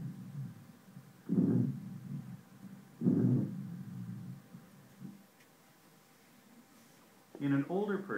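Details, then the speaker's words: Lung auscultation teaching example: low-pitched musical snoring sounds over two breaths; rhonchus (low-pitched wheeze). "low pitched wheezes are musical snoring sounds mostly on"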